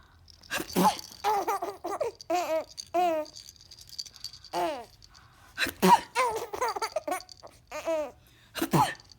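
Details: A sharp sneeze burst followed by a baby's rhythmic, high-pitched laughter, repeated several times; ordinary sneezing.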